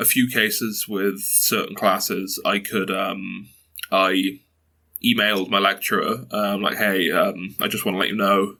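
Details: 22-year-old man who has stuttered since early childhood, mother also stutters, reports blocks and repetitions; stuttering.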